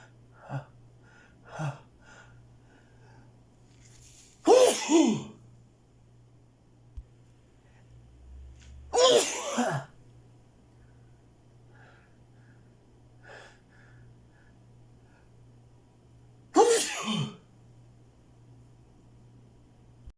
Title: Cant stop sneezing